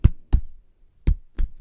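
Vocal imitation of a normal heartbeat: two paired lub-dub thumps, a steady rhythm around 60 a minute.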